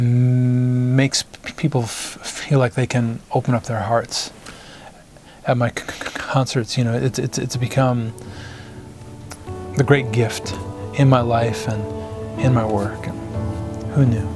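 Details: Adult man, a singer-songwriter, whose stutter began in first grade after his parents' divorce; stuttering.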